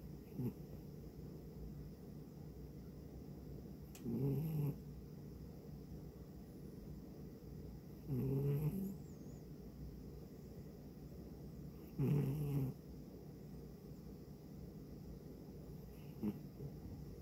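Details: Low rattling snores, about one every four seconds (roughly 15 a minute), with quiet room noise between them; snoring.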